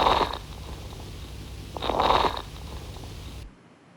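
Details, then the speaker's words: Mitral stenosis patient, both lungs auscultated from the back over the lower fields: two noisy breaths with fine crackling pops, bilateral crackles signifying pulmonary edema. "तो क्या था इन auscultation में, क्या findings थी? Crackles थे। तो इस patient में लंग्स में क्रैकल्स भी थे, ठीक है। तो क्रैकल्स, यस, दे सिग्निफाई पल्मोनरी एडीमा। तो बायलैटरल लंग क्रैकल थे।"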